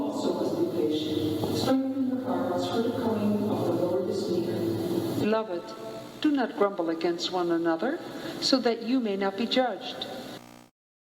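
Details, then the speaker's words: Simulated hearing aid reception comparing a normal environment with a telecoil zone: a voice buried in steady background noise, then clear speech with the noise removed once telecoil mode is on. "먼저 일반적인 환경과 텔레코일 존 내의 보청기 음성 수신을 비교하여 들려드리겠습니다"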